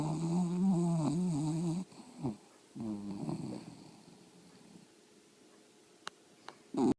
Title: Snoring dog